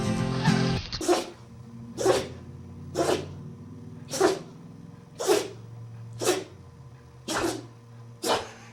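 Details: Run of about eight short, sharp dog sneezes, roughly one per second, over background music; a compilation of sneezing dogs.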